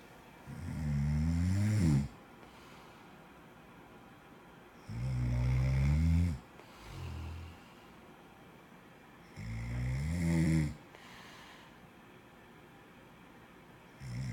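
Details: Loud, rumbling snores on each breath in, about every four to five seconds, with quiet pauses between; snoring.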